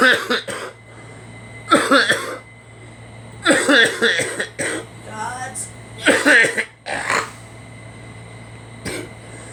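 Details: Two people coughing, attributed to allergies: several short dry coughs and throat clearings, with a steady background hum in a small room.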